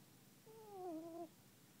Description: Extreme kitty close-up! Mr. Littlejeans was snoring, so I thought it would be funny to embarrass him on the internet.